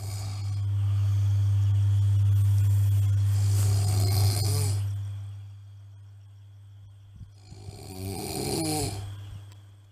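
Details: Two long, rough, low rattling snores during sleep, the first loud and sustained, separated by quiet breathing; snoring.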